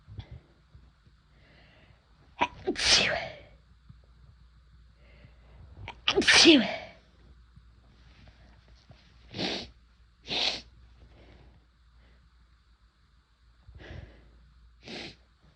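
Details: Sneezing induced by chhinkni sneezing powder, first-time use: two big explosive sneezes followed by several shorter sniffs or breaths in a quiet room.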